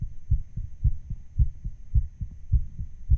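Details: Fast, somewhat uneven low thumping at about 107 beats per minute: the recorder's own real heart sounds, slightly sped up to imitate a racing heartbeat.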